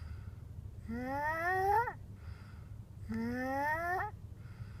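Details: Sleeper snoring: two drawn-out, rising, whistling tonal snores about two seconds apart over low room rumble.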